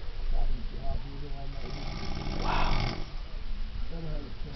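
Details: Person asleep at summer camp snoring loudly, with rough, vibrating snores on breaths in, about 27 a minute, over some room noise; ordinary heavy snoring.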